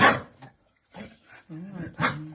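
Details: A young Vizsla with juvenile-onset laryngeal paralysis gives a sharp noisy sneeze, then soft snorts, then a whining, tonal, breathy noise.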